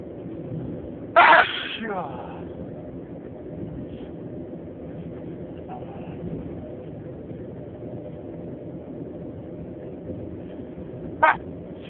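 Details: Uncontrollable sneezing attack at 3 am: two sudden explosive bursts about ten seconds apart, likely sneezes, over steady traffic rumble.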